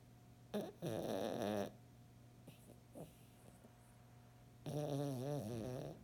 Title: snoring